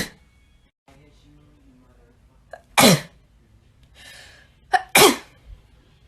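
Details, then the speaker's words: Two forceful sneezes, each with a short in-breath before the explosive burst, in a quiet room; part of a sneezing compilation with constant sneezing attributed to allergies. "Oh my god. So many sneezes. It's constant."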